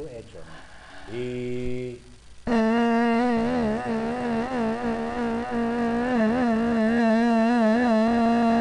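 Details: Voice recorded during a stroboscopy examination of vocal fold paresis.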